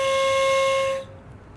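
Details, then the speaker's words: Steady high-pitched whistle for about a second from a spacer device during inhaler technique teaching for COPD, warning that the breath in is too deep or too fast. "this device would also show the patients if their technique was satisfactory if patients take to deeper breath or two faster breath the device walk whistle"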